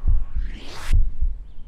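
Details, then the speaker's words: Normal heart sounds of a shelter dog heard with a stethoscope at a veterinary pre-adoption check: paired low lub-dub thumps at a steady rate near 70 a minute, a very healthy heart. "beating] A very healthy heart sound and it goes like lub dub, lub dub."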